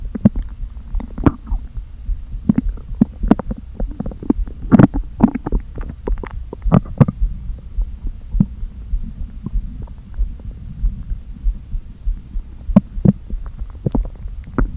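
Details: Stomach noises from a person who had not eaten all day, with air deliberately inflated into the stomach: frequent low gurgles, groans and squelching pops of air shifting in the gut; borborygmi.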